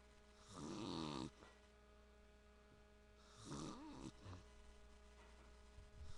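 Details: Adult man (father) gives two loud, vibrating snores on breathing in, a few seconds apart, over steady room hum; snoring.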